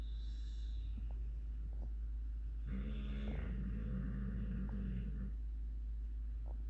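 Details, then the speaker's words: Female dog snoring loudly, though owner says this is quiet for her: a low, rumbling snore on one long breath with a few soft snorts around it, over a steady background hum. "Harlow, why are you snoring so loud? Harlow. And then she gets all quiet."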